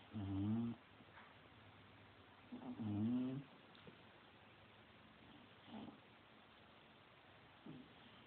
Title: Haha my bulldog snoring